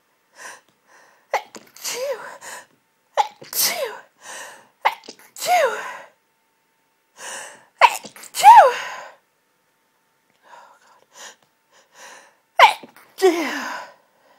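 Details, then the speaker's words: Intense half-stifled sneezing fit lasting about 20 minutes, nose very tickly and congested: repeated forceful, partly held-in sneezes, each preceded by a sharp inward gasp, with a pinched, explosive release. "this fit has been going on for the last 20 minutes but I've only just been able to start recording it"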